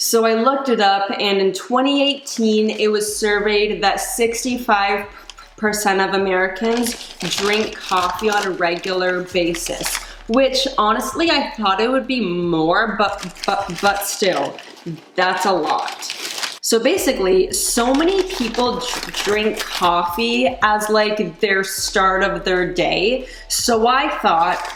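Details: Adult woman who stutters; she reports that caffeine worsens her stutter and anxiety, and she recently gave up coffee but still drinks tea and decaf; stuttering.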